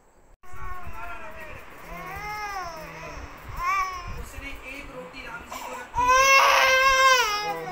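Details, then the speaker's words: Baby girl crying after her 3rd vaccination: sustained high-pitched wails rising and falling, louder toward the end. "काफी रो रही थी तो जब बहुत रो रही थी तो हम वीडियोस नहीं बना पा रहे थे"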